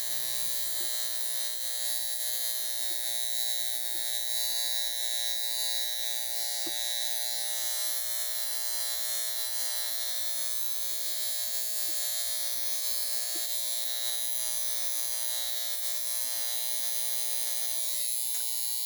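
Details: High frequency facial device with precision tip, pinpointing pimples to bring them to a head; continuous high electrical buzz with faint crackles.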